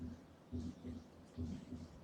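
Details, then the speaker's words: Mitral valve prolapse with mitral regurgitation: regular heart sounds near 70 a minute with a mid-systolic click followed by a soft late systolic murmur. "Kind of have that midsystolic click with a little bit of a regurgitation murmur."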